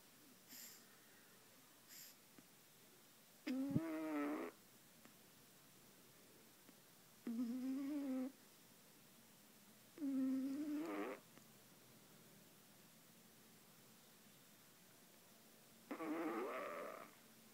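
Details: Sleeper snoring after a long day of shooting a TV show: four separate whistling, squeaky snores at irregular intervals in a quiet room; snoring.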